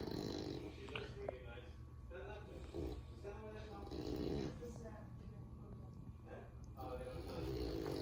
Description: This is Louis, my Frenchie and also my brother too, and he’s sleeping on the couch, snoring 😴💤